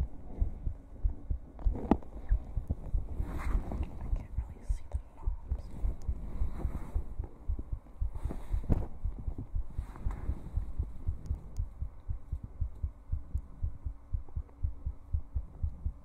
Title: Twitch Heartbeat Compilation 5